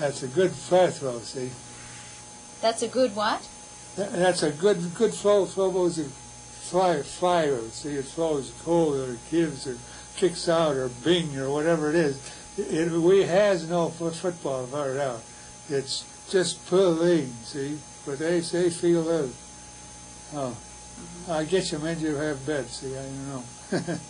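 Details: Wernicke's (receptive, sensory) aphasia in a man, producing fluent jargon with paraphasias.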